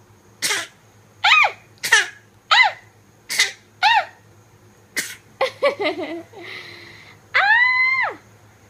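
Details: Baby playfully imitating coughing: a run of about seven short voiced cough-like bursts, then squeals.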